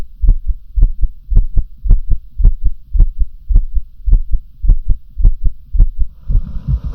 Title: Differents heartbeat sounds/différents sons de coeur 🫶🏻